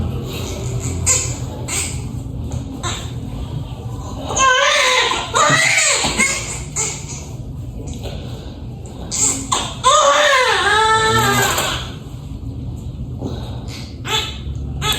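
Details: Newborn baby boy's strong, high-pitched cry in bursts just after normal vaginal delivery, over room noise and voices; a vigorous birth cry, born nine years after the previous sibling.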